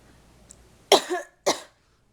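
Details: Two separate harsh coughs in a quiet room, the first with a trailing second push, from an adult still sick with a cold-like illness, body aches, headache and a doctor-diagnosed left ear infection.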